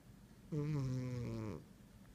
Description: Here is my Baby Girl, Hoopty the Cat, snoring up a storm.